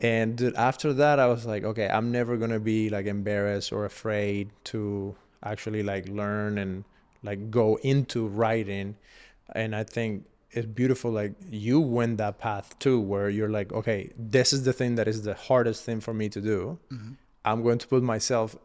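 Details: Adult male speaker; normal conversational speech.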